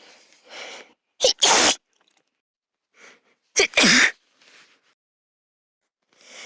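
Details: Female high-school student sneezing: two sneezes, each a soft inward breath then a sharp, high-pitched explosive burst, separated by quiet breathing.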